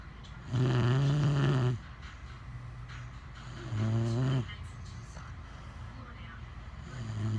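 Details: Husband and French bulldog snoring loudly together during sleep: two loud, rattling, low snores about three seconds apart, with softer noisy breathing between them.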